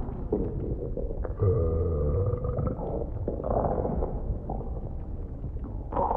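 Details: ASMR recording of stomach noises after eating, close up on the belly: low, drawn-out gurgling and rumbling, ordinary stomach rumbling.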